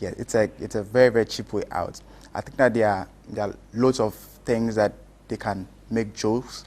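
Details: Stammering in an adult male.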